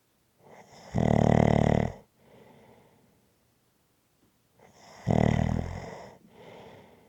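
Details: Loud rattling snores on each in-breath, about four seconds apart, with a soft airy out-breath after each one; snoring.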